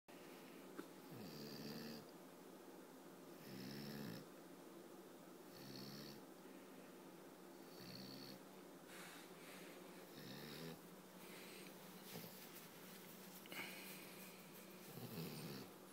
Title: French bull dog snoring while awake trying to sleep